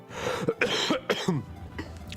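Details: Quick run of about four harsh, chesty coughs from an adult streamer with bronchitis for five days, over soft background game music.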